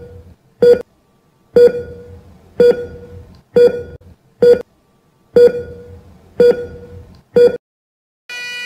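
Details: Steady cardiac monitor (ECG) beeping at about 62 beats a minute, a regular normal heart rhythm tone.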